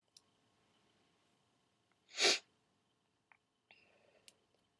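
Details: One short, muffled, hissing burst in a quiet room, a deliberately stifled sneeze, performed on request; sneezing.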